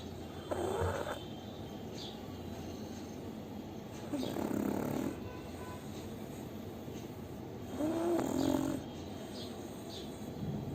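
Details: Sleeping pug: three slow, rattly snoring breaths about every four seconds, roughly 15 a minute, over steady room hiss; snoring.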